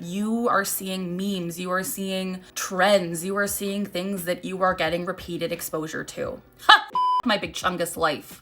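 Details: Woman with Tourette syndrome and coprolalia, with a new involuntary meme-derived complex phonic tic, present for two days, occurring while she speaks.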